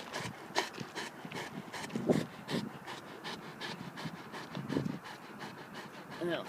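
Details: Dog panting between sneezing bouts from a suspected foxtail lodged in his nose: quick, rhythmic, breathy bursts with faint human voices in the background.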